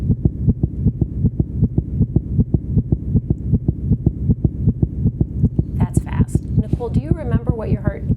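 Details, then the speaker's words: Rapid, very regular heartbeat at 158 a minute, consistent with supraventricular tachycardia (SVT); racing heart. "So, let's listen to the difference because we have a heartbeat of 158. Let's listen to that."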